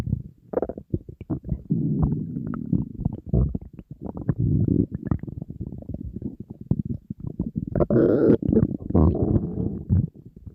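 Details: Person on a diet, very hungry, with an empty stomach: near-continuous low gurgling and rumbling rising into a louder growl near the end, ordinary hunger stomach growling (borborygmi).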